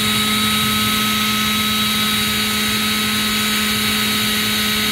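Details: Open-source ventilator turbine driven by PWM from a signal generator (2 kHz square wave), with the duty cycle stepped from 10% up to 90%. A steady high-pitched turbine whine with a constant hum: the ventilator blower running.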